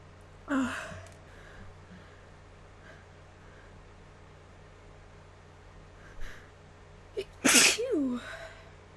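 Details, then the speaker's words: A person recording their own sneezes on request, nose still itchy: one sneeze, a quiet pause, short catching breaths, then a second, louder forceful sneeze; ordinary sneezing. "um I had fun sneezing for you all uh hope you enjoy this video that I'm going to post probably sometime today"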